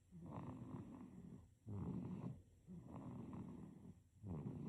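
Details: Sleeping baby with soft, rattly snoring on each breath, about 22 breaths a minute; infant snoring.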